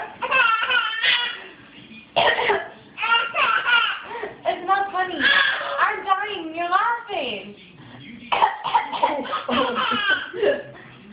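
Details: Child's short, deliberate voluntary coughs alternating with her infant sibling's squealing, bubbling laughter.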